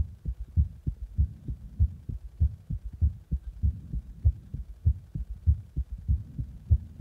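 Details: Own heartbeat recorded after pressure on the chest: steady, regular low paired thumps at about 98 beats a minute.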